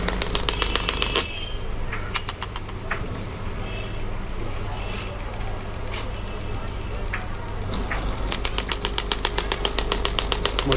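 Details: Pneumatic radial shockwave (ESWT) therapy handpiece firing after pressing start: rapid loud mechanical tapping, about 150 pulses a minute, over a steady machine hum.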